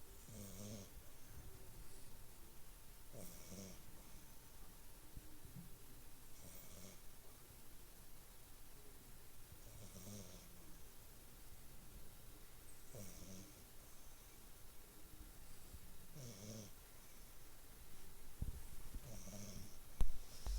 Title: Snoring like an 80yo